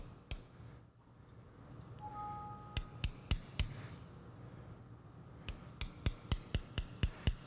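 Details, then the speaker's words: Surgical tapping during a knotless AC implant repair of an acute acromioclavicular separation, done through a small incision with fluoroscopic guidance: sharp, repeated metallic taps in quick runs as the implant is driven through the first and second cortex of bone, with a brief two-tone beep. "here you see that we're at the top and we're going to just tap down through the first cortex through the second cortex"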